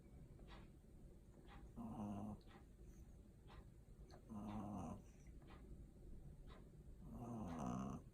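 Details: Small pug snoring with eyes open: three rough, rumbling snores roughly every 2.5 seconds, about 22 breaths a minute, in a quiet room.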